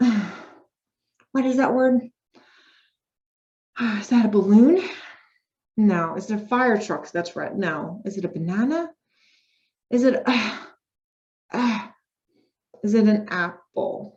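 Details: Acted: a female speech-language pathologist simulates Broca's aphasia after stroke or brain injury, searching for a word and naming wrong items before finding it; word-finding difficulty (anomia) in Broca's aphasia, acted.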